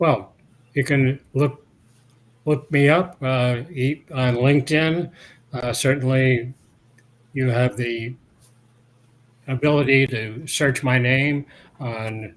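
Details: Adult man interviewed years after a 2017 stroke that caused aphasia and loss of mobility. His speech has largely recovered, but he pauses to find words, and speaking is harder when he is tired, dehydrated or agitated. Aphasia with residual word-finding difficulty.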